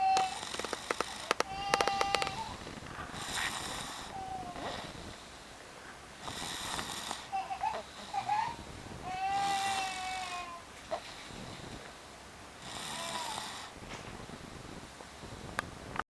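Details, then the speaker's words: Sleeping boy snoring deeply and loudly in rhythm, with rasping bursts about every three seconds and a faint nasal whistle. "瞓覺啲鼻鼾聲好犀利㗎。"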